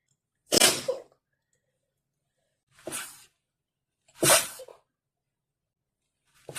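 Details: Three forceful sneezes with sharp airy bursts, separated by brief pauses, then the start of a fourth; a sneezing fit during a cold.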